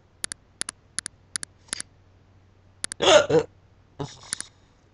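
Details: Rapid sharp repeated clicking hiccup catches then brief voiced sounds while a person talks through a bout of hiccups.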